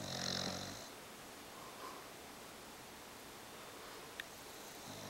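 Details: English Bulldog snoring: a short raspy snoring breath, then quiet breathing and the start of another; snoring in a flat-faced dog.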